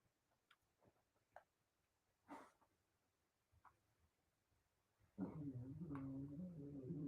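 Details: Snoring from Bob lying under the owner's feet during a live broadcast.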